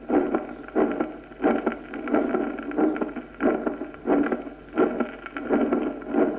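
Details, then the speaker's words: Teaching auscultation recording from a young person of a regular heartbeat near 90 a minute with a soft low extra sound after S2 from rapid ventricular filling, heard at the apex: physiological third heart sound. "el tercer ruido se debe al llenado rápido ventricular el izquierdo Se oye en la punta"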